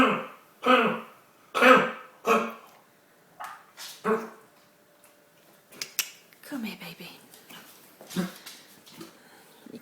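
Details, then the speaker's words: Bulldog puppy with kennel cough and a snotty nose gives a bout of harsh, honking coughs, worse when excited or too warm or cold. "this is my poor baby she's got kennel cough sounds"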